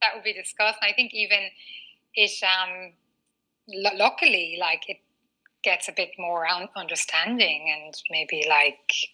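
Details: Stuttering in a 39-year-old woman, a former covert stutterer who now stutters openly, with a word-repetition pattern; she has had speech therapy including fluency techniques.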